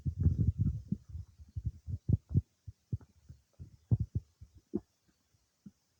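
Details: Bowel sounds (borborygmi) some time after eating cake: irregular low gurgles and rumbles thinning into scattered pops, active digestion.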